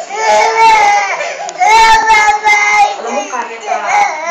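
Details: Baby crying loudly in sustained wailing bursts with brief catch breaths between, indoors; ordinary infant cry.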